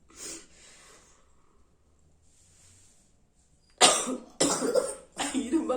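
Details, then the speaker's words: Three harsh coughs in quick succession after quiet breathing, during a sneezing challenge in which something is put into the nose to cause a sneeze; coughing results but no sneeze follows. "இருமல் தான் வருது, அச்சுன்னு தும்மல் வரல."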